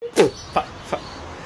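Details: Man with Tourette syndrome making an involuntary vocal tic sound between sentences; vocal tic.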